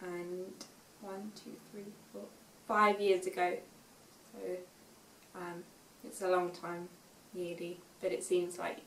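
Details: Young woman, 5 years after a stroke at age 18, reading aloud an unseen text; reading has been difficult since the stroke; aphasia.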